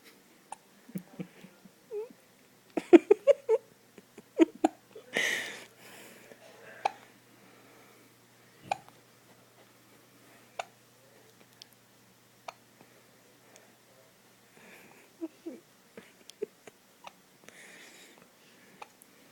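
Repeated short, abrupt catching sounds at irregular intervals in a quiet room, typical of hiccups.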